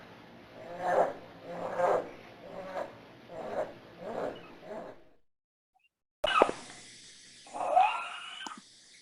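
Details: Veterinary cardiovascular exam talk: a rapid series of loud, harsh, roaring breaths, then a pause and a few other noises; inspiratory stridor from laryngeal paralysis.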